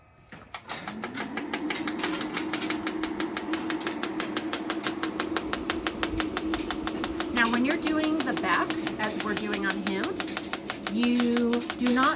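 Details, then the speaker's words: Shockwave therapy on a 5-year-old Thoroughbred ex-racehorse in rehab, back setting at the lowest 30 mJ, applied beside the spine: rapid steady clicking pulses about two per second under a constant machine hum, with brief talk. "all right so I'm going to choose back right here and then I am going to go down to 30 on the settings that's the lowest setting"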